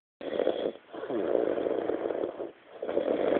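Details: Loud, rough, rattling snores on inhalation with brief pauses; heavy snoring of a friend asleep after a Christmas night out.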